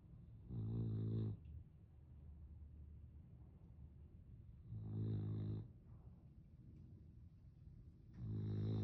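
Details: A dog that snores a lot, snoozing in her favourite position: three loud, low, vibrating snores on the in-breath, about 14 breaths a minute, with quieter breathing between.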